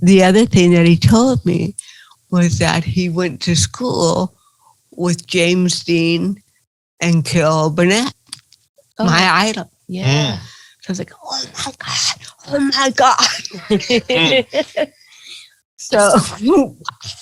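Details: Adult woman with cerebral palsy, real, speaking in an interview; dysarthria (cerebral palsy).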